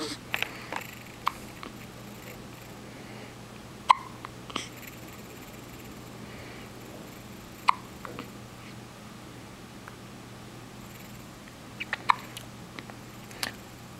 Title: Mr. Hiccup